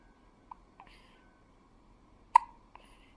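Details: Newborn baby, 2.5 days old, with hiccups: four short, sharp hiccup clicks over about three seconds in a quiet room.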